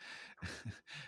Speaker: can you hear my stomach growling on the microphone